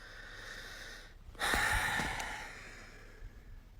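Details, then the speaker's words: Papillon dog, small, making a single loud, harsh snorting breath through the nose, then quieter breathing, while lying down apparently asleep and keeping its owner awake; snoring/snorting. "So, I've got a migraine and I've come home early because I've got a migraine, but I can't sleep because someone keeps snoring."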